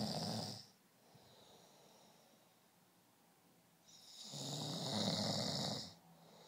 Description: A person in deep sleep.